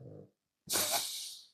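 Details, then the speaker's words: A sleeping Cavalier King Charles Spaniel lying at the owner's feet gives a short low rattling snore, a pause, then a long breathy hissing breath out: ordinary snoring. "Alors, si tu entends ça là, c'est mon cavalier King Charles qui ronfle. Voilà, c'est ma petite raya qui ronfle."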